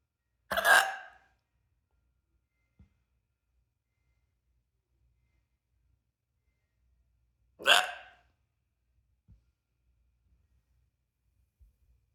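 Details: Two sharp, abrupt hiccups about seven seconds apart in a quiet room with faint clicks between; an ordinary hiccup spell in an adult after two or three drinks, possibly triggered by trying to force out a burp.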